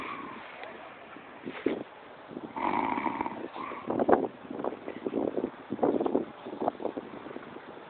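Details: Snoring during sleep: rough, fluttering, uneven and noisy breathing noises.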